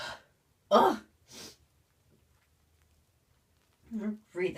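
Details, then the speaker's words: Person in the bath, suspecting allergy to a new bubble bath: a voiced inward catch and stuck false start, then a burst and later sneeze-like bursts in a small room; allergic sneezing. "it's stuck. It's not coming out. What was that? Ugh, false starts suck."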